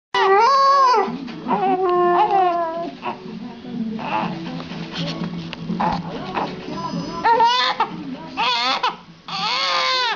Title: Dog sings while the baby cries